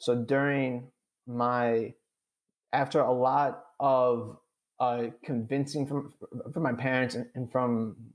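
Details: Adult man with stuttering; real, unscripted conversational speech; finding: stuttering.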